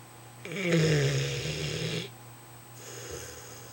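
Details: A loud, low, rumbling snore on one breath, then a softer second breath in a quiet room; ordinary snoring during sleep.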